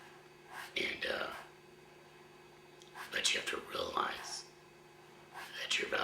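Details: 53-year-old man, one year after total laryngectomy for throat cancer, speaking via a voice prosthesis placed two months ago with a hands-free device, after about 10 months using an electrolarynx; tracheoesophageal speech.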